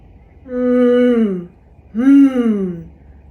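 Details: Demonstrated gentle voiced throat clear, a cough alternative: the vocal folds are gently vibrated to clear mucus without slamming together, then followed by a swallow, as a technique to break the chronic cough cycle.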